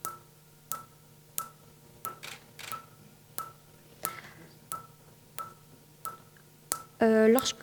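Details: Sharp regular snapping clicks about every 0.7 seconds, roughly 90 a minute, ending with a short beep: Fotona StarWalker Q-switched Nd:YAG laser pulses during tattoo removal, phototype 4–5 patient.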